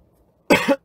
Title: TXT Coughing